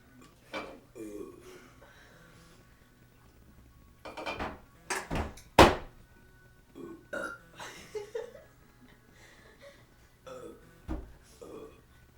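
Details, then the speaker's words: Two young girls in a deliberate burping contest: a run of voluntary burps, some long and throaty, traded in turn with brief talk. "right hey hi let's have a burping competion go"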